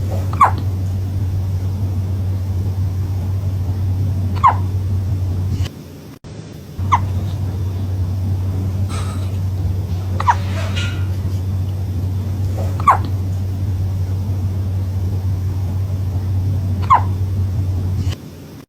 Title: Fun fact : cats can also get the hiccups #cat #cute #funny #comment #catlover #subscribe #facts